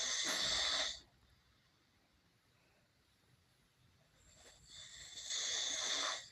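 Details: Man sleeping, snoring: hissing, airy snoring breaths separated by a long quiet pause.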